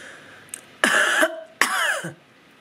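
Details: Coughing from an adult woman getting over a cold, with sore throat and sore tonsils.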